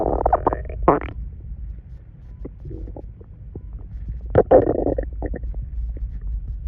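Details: Stomach noises: gurgling, bubbling abdominal rumbles in bursts, ordinary bowel sounds (borborygmi) from gas and fluid moving through the gut.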